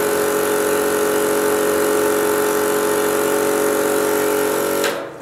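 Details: Portable suction unit in a National Registry EMT skills demo on an apneic adult with weak pulse of 60, mouth full of secretions: steady loud motor drone with rapid pulsing, cutting off at the end as airway is suctioned.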